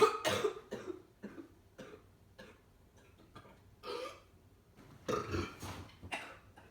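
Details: Child's cough: several short, harsh bursts with quieter throaty sounds between them.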